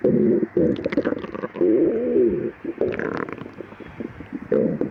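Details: After 12 hours without food, before and after drinking milk, in a person with severe lactose intolerance: loud, long gurgling and cooing rumbles with bubbling squeaks; vigorous stomach growling (borborygmi).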